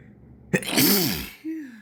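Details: One forceful sneeze: a sharp burst of air with a voiced cry, then a brief falling sound; an ordinary sneeze.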